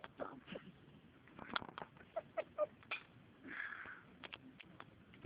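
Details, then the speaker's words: A person sitting in a library gives a run of short, high, squeaky, chirp-like bursts at irregular intervals over quiet room noise: unusual-sounding hiccups. "Do it again. This is so funny. Oh my god. Oh my god. Funniest hiccups ever."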